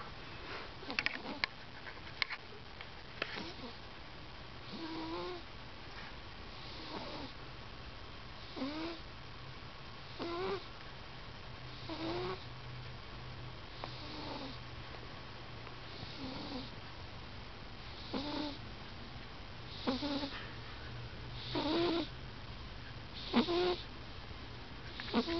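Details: Pet cat snoring loudly while napping and dreaming: soft, regular rasping bursts, roughly 34 breaths a minute.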